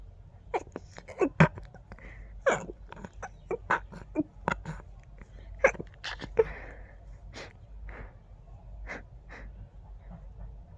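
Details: Very stifled, huge allergic sneezing fit: a rapid run of many suppressed sneezes with quick catch breaths, described as tickly and fast, with the urge to sneeze on every breath.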